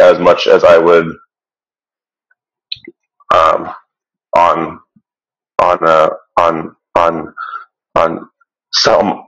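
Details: Adult who stutters, with audible word and phrase repetitions. Stuttering.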